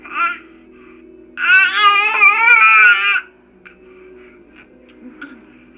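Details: 6-month-old boy with severe torticollis since 3 months, during Gonstead chiropractic neck adjustment with muscle pressure: a short whimper, then a loud, wavering cry of about two seconds trailing into quiet fussing.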